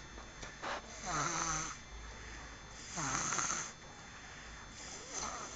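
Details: A tired sleeper makes rhythmic rough breathing noises about every two seconds, roughly 30 per minute; snoring.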